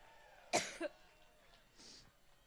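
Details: Adult woman coughing while speaking into a microphone at a campaign rally in a large room: a single sharp cough with a brief second burst, then a soft breath.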